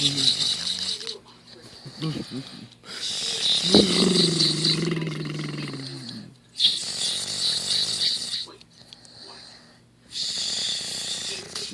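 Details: A man snoring loudly in his sleep with his tongue sticking out between his teeth: long, rough snoring breaths with hissy, noisy exhalations, alternating with quieter gaps.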